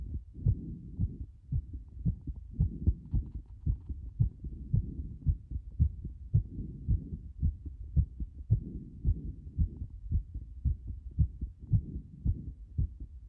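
Heart sounds through a stethoscope with an uneven rhythm and frequent extra or early beats, roughly 110 a minute; frequent arrhythmia.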